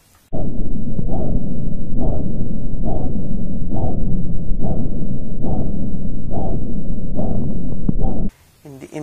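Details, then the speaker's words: Normal arteriovenous fistula bruit in a dialysis patient: a soft, continuous low whooshing rumble with regular pulsing surges through systole and diastole, heard over the anastomosis and along the outflow tract, mainly over the cannulation segments. "this is how a normal brewery which is soft continuous both during the systolic and diastolic phase of the cardiac cycle is heard over the anastomosis as well as along the outflow tract mainly over the cannulation cantillation segments"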